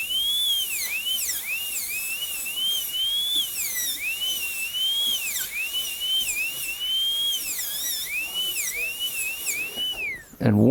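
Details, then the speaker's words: Dental high-speed drill: shrill steady whine dipping and rising as a 6878K-018 tapered diamond contacts the tooth, cutting the functional cusp bevel during gold onlay preparation on tooth #18. "i've got a 6878k018 diamond in right now so we'll we'll stay out here where we can see really well on the functional cusp bevel"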